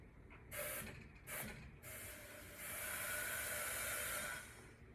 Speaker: so now we need to check and see is that leak in the line is it in the bag itself and we're gonna try one more time with our finger all the way here and flush